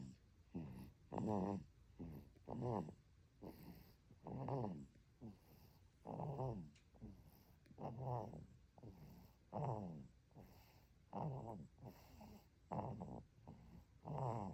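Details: Baby (a twin) snoring in deep sleep: steady soft snores with each breath, some with a fluttering buzz, about 38 breaths a minute.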